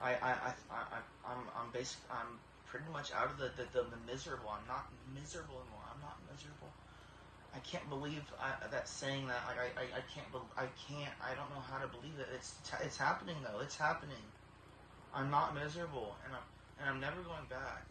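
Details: Tourette syndrome in a young man with a 20-year history of severe tics, treated with deep brain stimulation at about age 12–13; tics now much improved but vocal tics and throat clearing persist.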